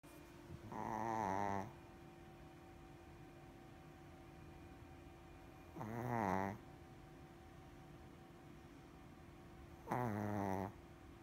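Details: Shih Tzu snoring during a nap: three rough, rattling breaths roughly every four to five seconds.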